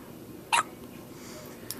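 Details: Infant's hiccups while looking up at her father and yawning: a single sharp hiccup against quiet room noise with a fainter catch at the end.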